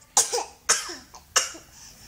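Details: A toddler singing children's songs breaks into hard, heavy coughing while singing; cough.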